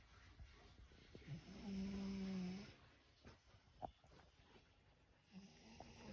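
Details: Arlo in deep sleep with tongue sticking out: one low, buzzing snore lasting about a second, then quiet breathing with soft snuffles in a small room; snoring.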